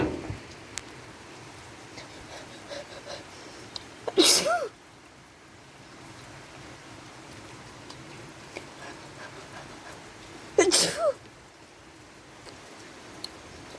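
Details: Sneezing that the person attributes to flowers placed on the porch: two sharp, explosive sneezes several seconds apart over quiet room noise.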